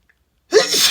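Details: Adult male with stuffy voice deliberately inducing sneezes: silence, then one sudden forceful burst of air with a voiced onset; a single sneeze.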